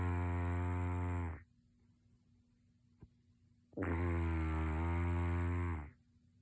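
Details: Two minutes of a person's snoring during sleep; the snorer denies snoring.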